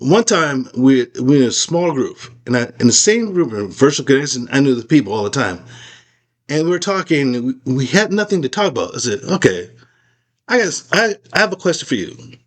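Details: Aphasia after a stroke in an adult man, who reports a craniectomy and several rehab facilities; word-finding errors and repetitions persist.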